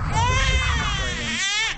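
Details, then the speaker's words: Newborn being swaddled, which alone often fails to calm and can first upset babies: loud, wavering cry with fussing. "But the swaddling by itself will not calm your baby down in most instances. In fact, some babies get upset when they're swaddled first off."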